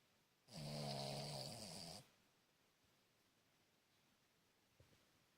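A single loud, rattling snore lasting about a second and a half, then quiet breathing: snoring in a sleeping small dog.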